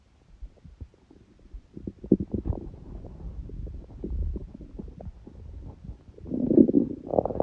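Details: Hunger stomach growling: soft continuous gurgling and bubbling with low rumbles and a louder gurgle near the end; borborygmi.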